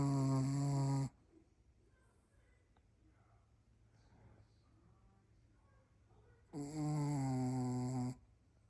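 Two loud, buzzing, low snores about five seconds apart, with quiet breathing between them. Snoring in a sleeping dog.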